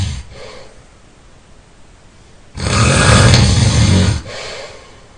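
One loud, harsh, rattling snore on a breath in, between quieter breaths.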